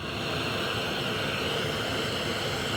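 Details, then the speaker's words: Continuous CPAP machine running noise, a steady whooshing airflow hiss with low hum, at about 4 cmH2O, near its lowest pressure; user with moderate sleep apnea (AHI 15.1) on a rental unit notes higher pressure is louder and mask leaks occur. "방금 그 기기 화면에서 보셨던 4수m요 정도의 압력이 거의 가장 낮은 압력이에도이 정도 소입니다. 그 압력이 좀 더 높다면은 소이 더 크겠죠."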